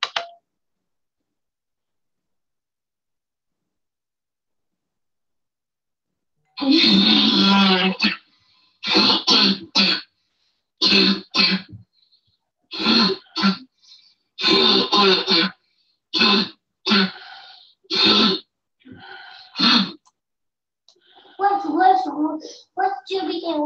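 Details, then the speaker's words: Child's home video with repeated loud, harsh, honking dry coughs in quick bursts during play, shown as an example of habit cough, a functional respiratory disorder. "And he put it together, and we have, as I remember, I think 5 different home videos linked together here to show you the different types of cough."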